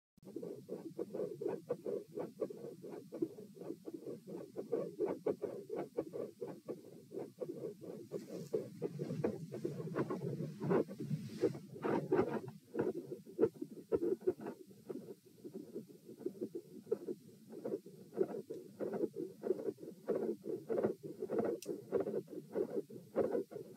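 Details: Heart auscultation stress test at tricuspid area (T), rate 84-96-108-120-96 bpm through lying, sitting, standing, knee bends, standing, lying; starts quiet, grows very loud, with intensity and murmur changes, split S2 and extra sounds.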